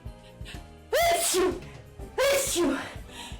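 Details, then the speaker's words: Adult having a sudden sneeze attack while painting: two loud, voiced sneezes in quick succession, each a sharp burst ending in a falling vocal sound, unusual for them; sneeze. "Oh my gosh. Ah, that sneeze attacked me. [laughter] That's not even what they usually sound like."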